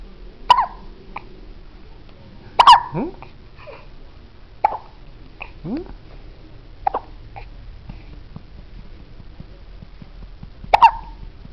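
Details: Baby with hiccups: brief sharp catching sounds repeating every two seconds or so, about five in the stretch, in a quiet room.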